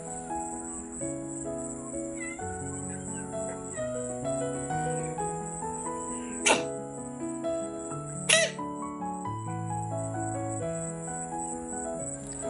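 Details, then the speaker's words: A rescued cat coughing again, two short, sharp cough bursts over background music. Other cats in the household have begun sneezing, and many people nearby have flu after recent flooding. "Hari ini Jumat tanggal 20 Juni 2025, Reno batuk kembali, pemirsa."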